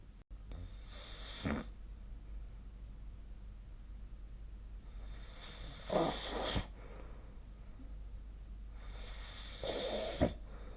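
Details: Three rough, noisy snoring breaths during sleep, about every four to five seconds, over faint room hiss; snoring.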